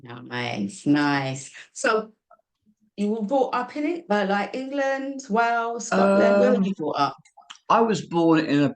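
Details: Two adults in conversation; ordinary conversational speech.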